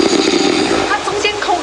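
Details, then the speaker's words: Home recording by his wife of a husband's severe snoring, described as a milder night. Steady, rattling, buzzing snore during sleep breathing. "严重打呼，甚至申请残障手册。"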